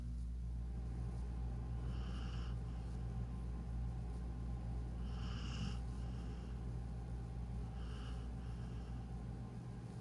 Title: She is snoring